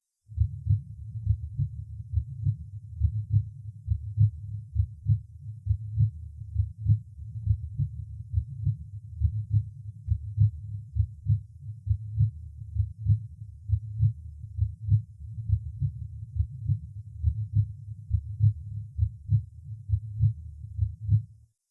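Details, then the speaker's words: Normal heart sounds at the third auscultation point, second intercostal space left of the sternum (pulmonary valve): regular low lub-dub at about 68 a minute; second sound roughly equal in loudness over aorta and pulmonary artery. "обратите внимание что в норме громкость второго тона над аортой и легочной артерией примерно одинаковые"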